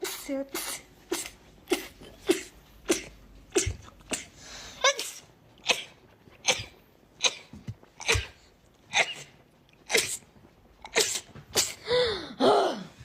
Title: girl sneezing rapidly.#20.|| rapid sneeze.